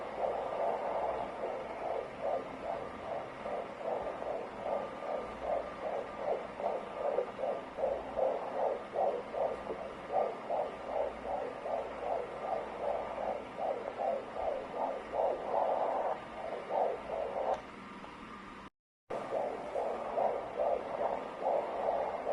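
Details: Fetal heartbeat on Doppler: fast, regular whooshing pulses at about 150 beats per minute.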